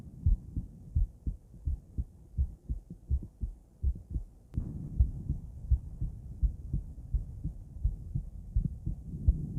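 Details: Female heart auscultated with different stethoscopes at Erb's point, then mitral, tricuspid, aortic and pulmonic sites: regular paired low thumps at about 85 per minute, brief handling noise midway; normal heart sounds.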